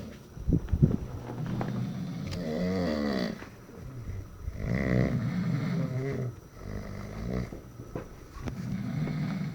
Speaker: deja de roncar gey no se volteó dejará de roncar no no dejó de roncar n más ronca ahora para allá